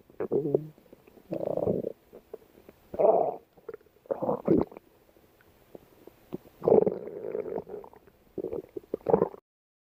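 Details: Loud gurgling and rumbling bursts with short pauses between them: ordinary stomach growling from gas and fluid moving through the gut.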